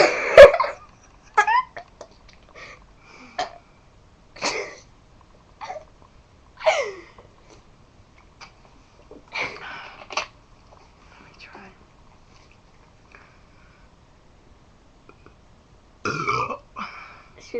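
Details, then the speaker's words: Burping contest: a series of deliberate burps of varying loudness, with pauses and some laughter between them. "okay we're gonna have a burping contest we've got Pepsi product placement and we got this to see we can burnt the loudest"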